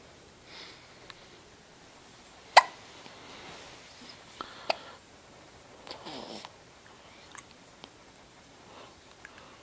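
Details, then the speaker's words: Person with hiccups: several brief, sharp, isolated gulping sounds at irregular intervals in a quiet room; hiccups. "has the hiccups. Jeez."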